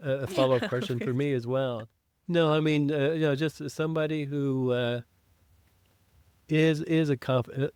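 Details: Man who identifies as a person who stutters, with self-described blocks and prolongations, speaking English as a podcast co-host; real. Finding: stuttering.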